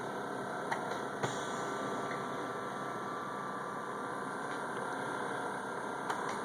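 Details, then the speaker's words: Quiet steady hiss and hum with a few faint clicks from a Philips Respironics SimplyGo portable oxygen concentrator running alone on continuous flow in a home sound-level test. "so anyway I hope that kind of gives you an idea of how quiet the simply go is"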